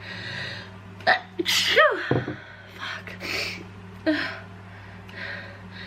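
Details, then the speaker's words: Adult who cannot stop sneezing while on vacation, blaming a cold or allergies: several sneezes in quick succession with sharp intakes of breath and a steady hum behind them. "I feel so gross. I'm like trying to have a good time, but I can't stop sneezing. I can't even drink my tea."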